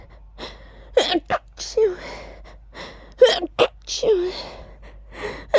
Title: Big "choo!" sneezes